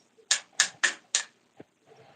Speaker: You didn't hear that. That was my knee popping.